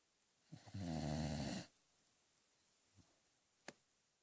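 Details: A single deep, rattling snore during sleep, followed by quiet breathing and a small sniff; snoring.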